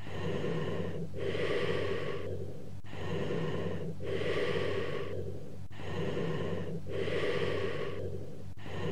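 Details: Bronchial breath sounds with a gap between inspiration and expiration, heard in consolidation: bronchial breath sounds.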